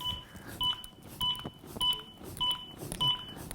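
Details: Simulated CPR training on a manikin set to ventricular fibrillation, using a Zoll AED Pro: its metronome beeps at about 100 per minute pace one-handed chest compressions at 5–6 cm depth, with "push harder" and "good compression" prompts.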